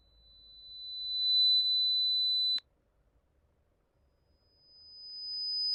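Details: Online hyperacusis hearing test over headphones finding the loudness discomfort level per ear: steady pure tones rise gradually in loudness, one high tone cutting off before a higher tone climbs.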